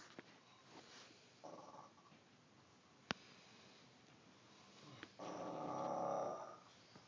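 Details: Faint breathing with two rough, buzzing snores, the second longer and louder, loud enough to wake someone sleeping nearby on the floor at night; snoring.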